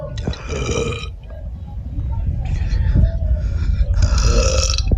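Several long, low, rumbling belches in a row over a few seconds, consistent with repeated burping.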